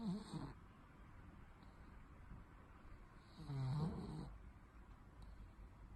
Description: Our cat snores. Unfortunately, even if we also want to sleep.